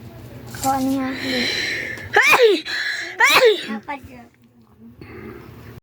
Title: Tickle sneezes Philippines.